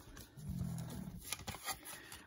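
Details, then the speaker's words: Snoring from a sleeping dog, late in the evening: a single loud, low rumbling snore, then quieter breathing and light room noise; the owner says he snores worse than a loud old man. "um if you hear that crazy snoring sound that's my dog in case you're wondering this is uh kind of late for him so we got lost origin and he snores worse than a loud old man"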